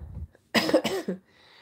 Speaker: I still have a little bit of a cough from my cold that I had. It's taken me a while to get over that cold, so I'm sorry if I sound a little bit stuffy and if I have to cough every once in a while.